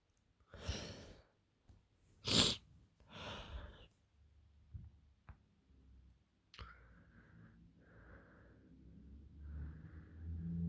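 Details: Three sneezes close together, then several breaths out: a repeated sneezing fit from hay fever during rising pollen levels in Greece.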